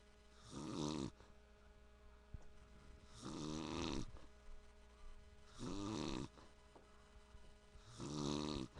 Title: dad snoring